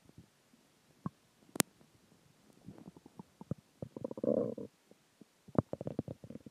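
Gurgles and pops building to a brief rolling growl, then more bubbling: ordinary stomach growling from food, water and gas.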